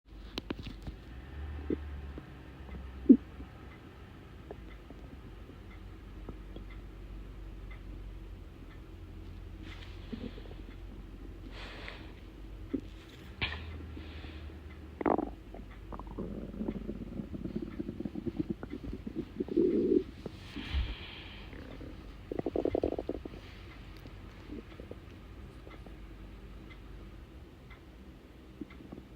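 Quiet gurgles and low rumbles from an empty stomach, ordinary hunger bowel sounds.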